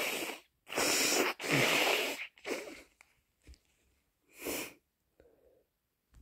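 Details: Person with a cold gives several loud, explosive sneezes, then a forceful nose blow, with quiet sniffing at the end.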